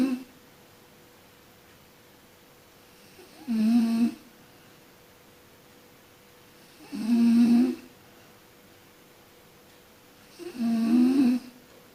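Three loud, rattling snores on breathing in, roughly every 3.5 seconds, in a quiet room.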